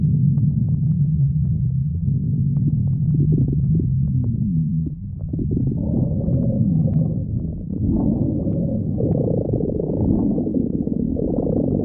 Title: stomach growling 2